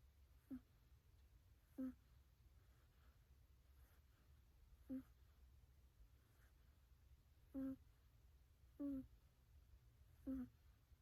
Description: 3 minutes video of a cat sleeping/snoring.